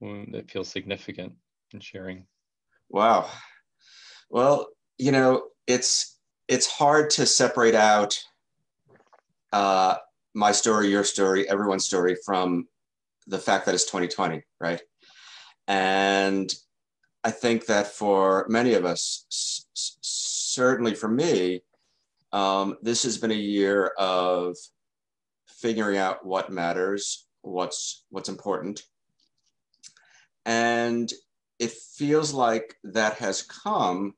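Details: Stuttering in an adult man who has stuttered since childhood and has been in the stuttering self-help movement since 1992.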